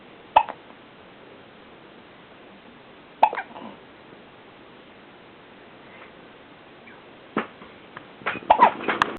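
Sharp, brief hiccup sounds recurring at irregular intervals of a few seconds, closer together near the end; hiccups.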